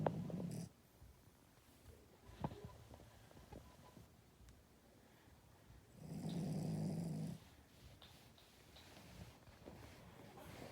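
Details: Cavalier King Charles Spaniel dog napping in the late afternoon, with occasional snoring: low rumbling snores on breathing in, two clear snore bursts several seconds apart against quiet room noise.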